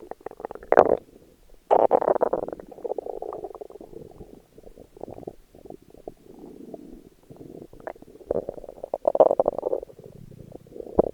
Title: My Stomach Growling while in a Bikini. 🥰💕